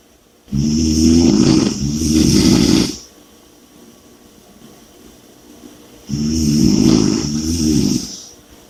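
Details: Two long, loud, rattling snores, about two in nine seconds, with quiet breathing between them; heavy snoring.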